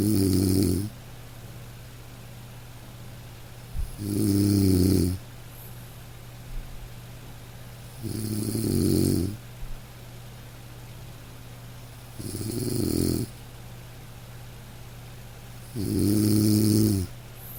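Slow, regular low rumbling snores about every four seconds, roughly 15 a minute, over soft steady rain; a sleeping dog's ordinary snoring.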